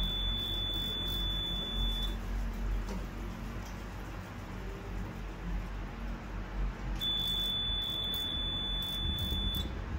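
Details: Electrocautery removal of a viral wart (verruca plana) on a patient's forehead under local xylocaine anesthesia: a steady high-pitched activation tone sounds for about two seconds, pauses, then resumes over room noise; electrocautery unit in use.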